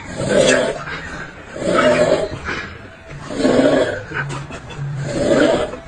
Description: Ranking the funniest snoring ever